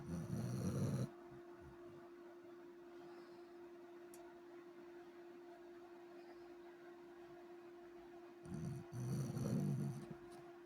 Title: finally got a video of buck snoring so cute😅❤️🐶